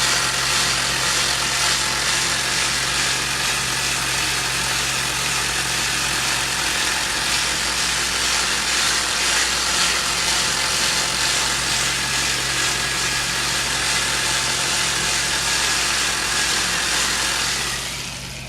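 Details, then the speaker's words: Steady buzzing motor hum of a handheld vibration muscle/tendon/ligament stimulator applied to the sole of the left foot of a heavy adult man with plantar fasciitis from basketball, to relax the plantar fascia and muscles. "what it does is it uses vibration to relax the muscle spindles and therefore relax all the fashion and the muscles here on the bottom of the foot"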